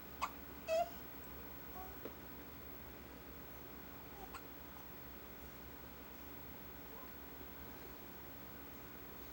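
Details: Newborn baby, awake and fed about 15 minutes earlier, gives a few brief, soft hiccups, mostly at the start, in a quiet room; hiccups.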